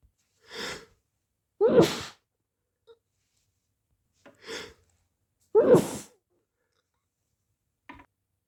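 Two strong, wet, partly muffled sneezes, each with a sharp inward breath before it.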